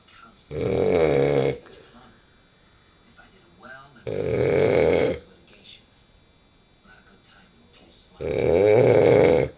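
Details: Loud, rough, rumbling snores about every four seconds, roughly 15 a minute, with quiet gaps, from a man asleep after drinking; snoring.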